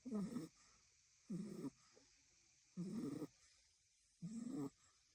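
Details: Female French bulldog puppy asleep in the owner's lap, snoring: four rough, rattling snores in a slow regular rhythm, about 40 a minute, with quiet pauses between breaths.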